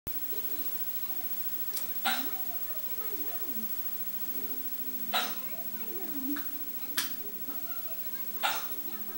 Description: Poor poor...He's got the hiccups!!